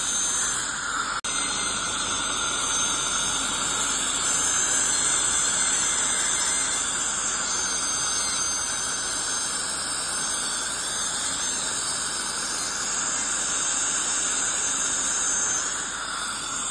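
A continuous high hiss and shrill squeal of dental cleaning instruments, from scaling and air-polishing of the teeth.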